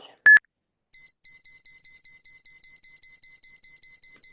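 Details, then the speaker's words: Simulated cardiac monitor rhythm on an iPad rhythm-training app, from a basic cardiac monitor interpretation review: a loud tone, then rapid regular beeps about four per second, signalling a very fast heart rate (SVT); SpO2 pickup poor. "wow this is a very very rapid in the real world your PL on this Co on this uh spo2 would be moving as fast as this heart rate was"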